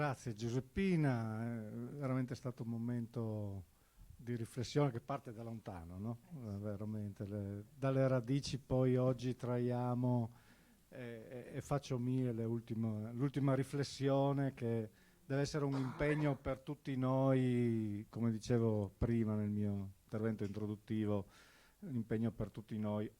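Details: Adult male speaker; normal voice.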